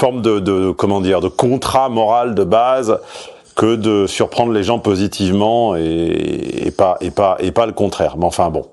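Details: Adult man speaking French; ordinary speech.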